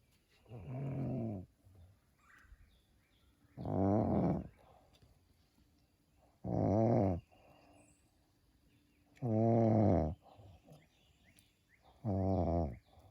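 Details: Mother snoring: five deep, buzzing, groaning snores at a steady rhythm, about 21 a minute, with quiet pauses; loud regular snoring.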